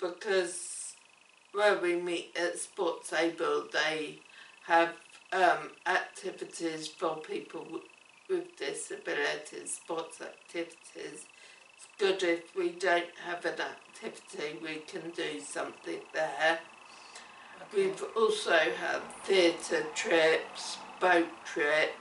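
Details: Woman with cerebellar ataxia affecting her speech and coordination: ataxic dysarthria.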